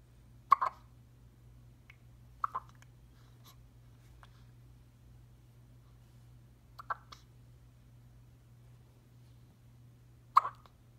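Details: One-week-old baby hiccuping: soft, brief catching sounds repeating about every two to four seconds in a quiet room with a low hum.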